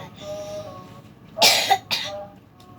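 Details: Two sharp coughs, the first a short double burst, interrupt soft chanted Quran recitation by someone with a cough and cold and a hoarse, quiet voice.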